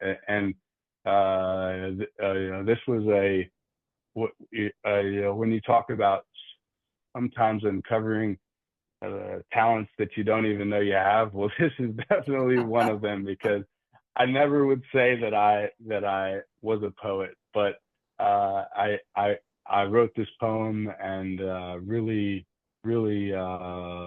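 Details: Adult man who stutters, with frequent word and part-word repetitions and fillers; stuttering.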